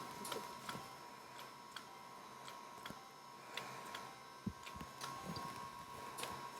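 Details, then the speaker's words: Sharp, sparse clicks over a faint steady tone: a Potenza radiofrequency microneedling device pulsing during second passes on the upper lip, with reduced wattage and needle depth, and on the cheeks. Each tip holds 1,000 pulses. "If you find yourself with leftover pulses, each tip has 1,000 pulses. You may want to do a third pass to hit certain target areas, such as around the eyes, the glabellar furrows, or around the mouth."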